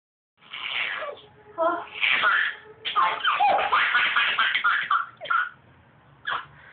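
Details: A child laughing at sneezes: a few sharp sneeze-like bursts mixed with the child's laughter and brief voices.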